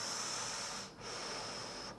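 Loud, harsh, hollow breath sounds with a short pause between breathing in and out, then a voice starts: bronchial breath sound.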